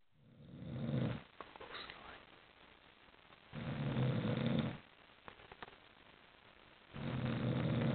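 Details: Sleeping dog snoring: slow, low rumbling snores on each breath, about three in eight seconds, with quiet gaps between them.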